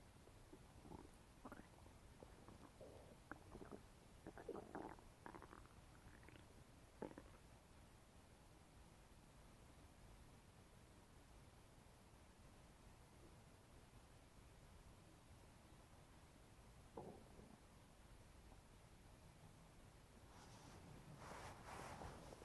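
Irregular gurgling and bubbling abdominal sounds in bursts, with a quiet stretch between, typical of digestion after eating.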